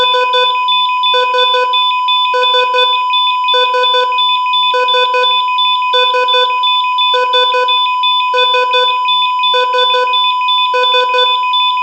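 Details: Simulated EKG heart monitor sound effect: steady repeating electronic beep bursts, about 50 a minute, over a constant tone.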